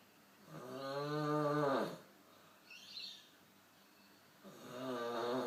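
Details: Two long, rattling, tonal snores in a quiet room, with a brief squeaky sound between them; snoring.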